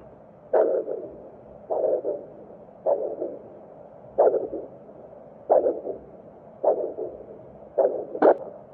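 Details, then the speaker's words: Handheld vascular Doppler over a facial artery of the examiner's daughter, checking for flow as in filler occlusion: regular whooshing pulses about 50 a minute, normal pulsatile arterial flow. "ding vascular occlusion with fillers you can check the pulses of those vascular structures and see if there is blood flow or not"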